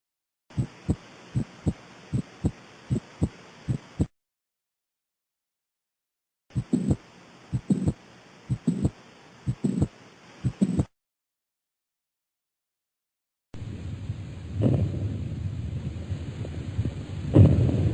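Regular low lub-dub heartbeats, about 110 a minute, in two stretches, then rustling stethoscope noise; normal heart sounds on auscultation.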